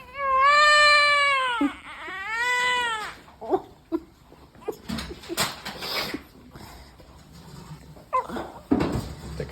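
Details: Newborn cry of a baby born after the waters broke at 37 weeks.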